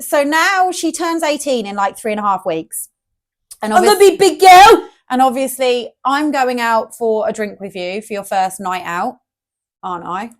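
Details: Adult woman speaking; ordinary speech.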